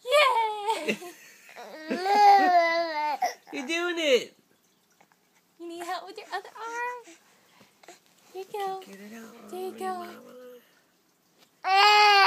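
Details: Infant fussing during tummy time with encouragement from caregivers: intermittent fussy crying and whimpering with pauses between cries, in a quiet room; infant cry, probably tired.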